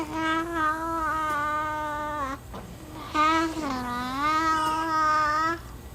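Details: Loud vocalization from a ventilator-dependent boy with tracheostomy and Werdnig-Hoffmann disease, using an in-line Passy-Muir speaking valve; he has secretions at the back of the throat and mild respiratory distress.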